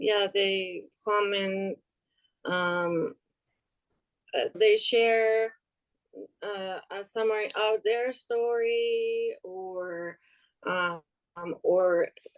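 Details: Aphasia in a woman after an ischemic stroke in March 2020 that left her unable to speak; improved but still recovering, heard in conversational speech.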